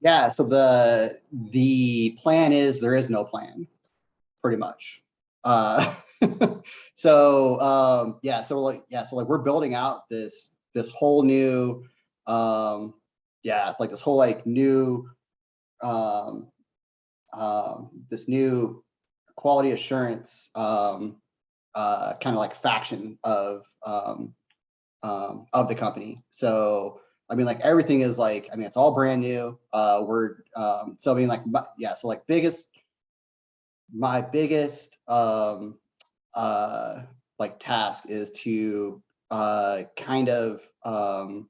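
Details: Adult man who says he has a bit of a stutter; stuttering.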